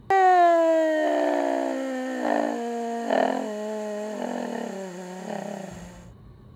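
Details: Vocal fold paresis: voice clear at high pitch, with breathiness and double pitch (diplophonia) appearing as pitch goes lower, consistent with vocal fold paresis.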